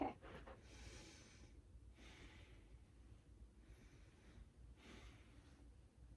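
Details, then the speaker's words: Nursing head-to-toe assessment, patient asked to breathe deeply during stethoscope lung auscultation (eight front, ten back sites): slow, soft deep breaths in and out, about three cycles, with room hum; lungs clear and equal bilaterally. "Now, every time I place my stethoscope, I want you to take a deep breath in and out."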